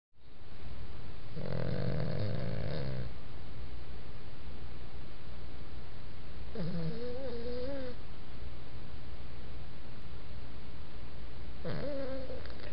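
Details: Three low, rattling snores, with a whistly tone on later breaths, over steady background hiss, about fifteen breaths a minute; snoring.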